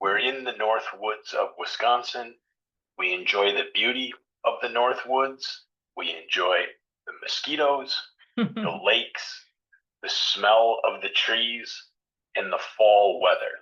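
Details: Adult male speaker; Normal speech.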